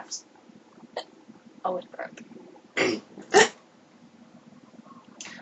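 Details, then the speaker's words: Self-induced hiccups after deliberate burps, described as painful and usually ending in a burp: sharp, brief gulping catches at irregular intervals in a quiet room, some throaty and burp-like. "Oh man, I gave my I gave myself hiccups. Oh well, may as well have fun with them while they Last."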